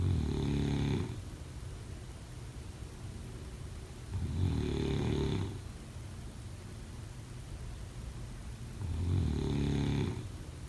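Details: Snoring during sleep: three regular, low, buzzing snores about every four seconds, roughly 14 breaths a minute.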